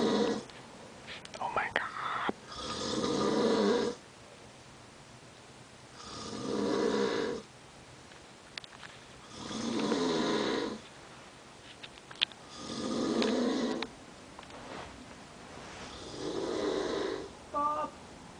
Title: Dad Snoring